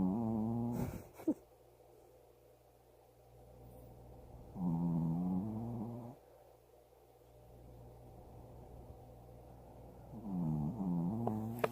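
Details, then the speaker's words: A pet sleeping at night in a quiet, dark room gives low, buzzing snores lasting a second or more, spaced several seconds apart, with a rushing noise in between. "He brought the cat upstairs to his room, and like magic, there's no more thumping. So Bella's snoring again, so let's listen."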